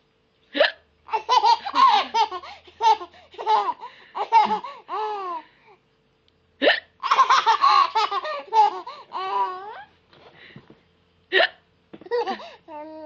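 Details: Baby's bursts of laughter broken by several sharp, abrupt hiccups from the mother; adult hiccups.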